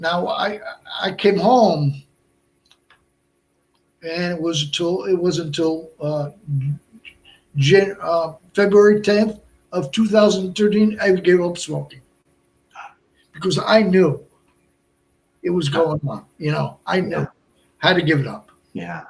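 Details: Adult man, about 57, with Broca's aphasia since a stroke on March 22, 2011 at age 46, more than 8 years earlier; also a heart transplant recipient; limited speech with effortful word finding, verbs harder than nouns; Broca's aphasia.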